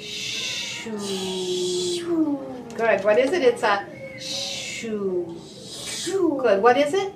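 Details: Adult female speech-language pathologist; normal speech.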